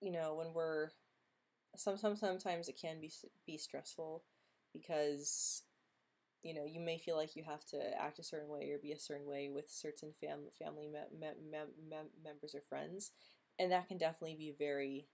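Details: Female host who stutters, speaking in a stuttering livestream hangout; stuttering.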